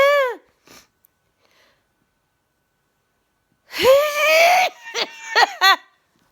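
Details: Adult sneezing: a short high-pitched vocal burst, a pause, then a loud explosive sneeze followed by a few quick squeaky sneezes or sniffs.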